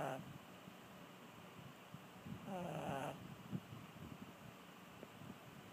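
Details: Brussels Griffon dog: a single short, fluttering snore amid soft snuffling breathing sounds; snoring.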